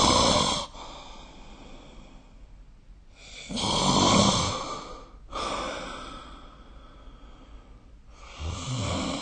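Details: Loud, rough, rattling snores recurring with each breath, about four in nine seconds, with quieter breathing between, recorded during sleep with the SnoreLab app; snoring.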